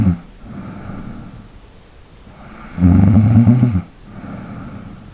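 A loud, rattling inhaled snore between quieter breaths in a small room; ordinary snoring during sleep.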